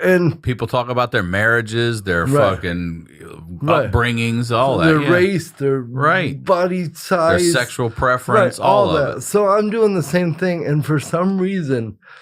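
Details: Adult male speaker; typical speech.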